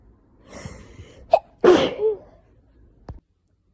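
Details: Winter sneezes from a person with a slight dust allergy, triggered by cold weather or indoor heating; some recorded with an itchy nose and headache, possibly an oncoming cold. A quick indrawn breath, then one loud explosive sneeze.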